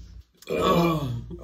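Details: One long, deep, voiced belch lasting about a second and falling in pitch, made voluntarily in a burp challenge after drinking mineral water instead of Sprite.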